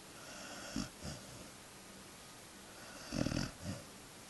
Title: Husky Pup Snoring